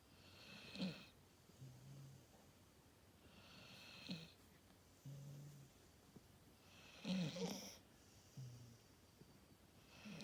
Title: Snoring doggy Masha 💤